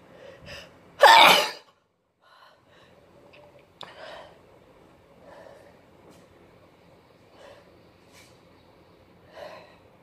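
One loud, forceful sneeze followed by several softer, stifled sneezes in a quiet room: a sneezing fit.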